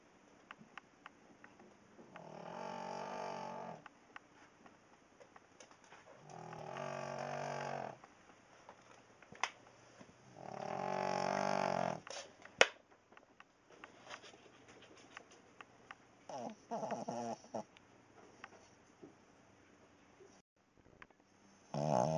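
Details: A sleeping Cavalier King Charles Spaniel snores loudly and rhythmically, one long rumbling snore every few seconds, as it does all night long.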